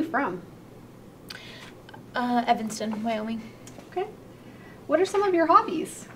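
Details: Adult speaker (clinician); normal speech.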